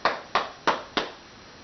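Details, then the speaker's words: Four hollow, evenly spaced cupped-hand claps on the upper chest of a child with cystic fibrosis sitting up, between collarbone and shoulder blade; chest percussion to loosen mucus for airway clearance, demonstrated in a teaching session. "okay alright so when he's sitting up like this I want to do in between his collarbone and his shoulder blade so I'm going to cut right around here"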